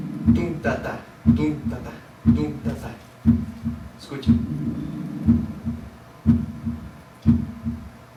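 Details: Regular heartbeat about 60 a minute, heard at the apex, with an extra low sound early in diastole after the second beat, taught with the example of a 40-year-old after myocardial infarction; third heart sound (S3).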